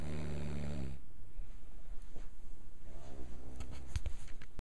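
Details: Snoring: a low, rough, rattling breath sound in a quiet room, then softer noisy breathing.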